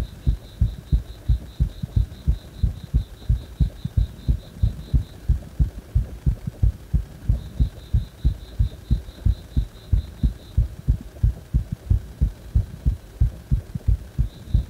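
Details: Heart still beating fast even after release from compression: strong, regular heart thumps at about 90 a minute, with faint beeping behind; tachycardia.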